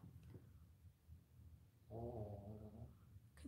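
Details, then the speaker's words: A sleeping female dog snoring nearby during indoor filming: low rumbling breaths, then a longer pitched, buzzy snore lasting about a second; ordinary snoring. "I know you can hear lady she's snoring she follows me both of dogs are right here"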